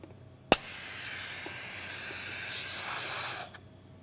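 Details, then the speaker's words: Small-volume nebulizer driven by oxygen at high flow, about 20 liters per minute, in a demonstration: steady loud hiss starting abruptly and stopping after about three seconds. "so if i turn this flow rate up you'll actually see at some point that it will pop off of the"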